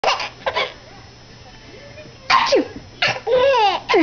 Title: Baby laughs at his Mom's sneeze